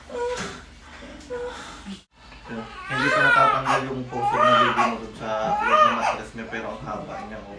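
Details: Normal vaginal birth: short rising and falling wails of a newborn over a few seconds amid adult voices after pushing; a normal newborn cry at birth.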